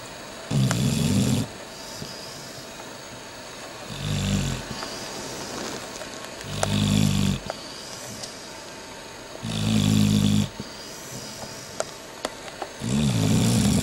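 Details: Person snoring: loud, rough rattling snores about every three seconds, roughly 20 a minute, with quiet steady noise between them; snoring.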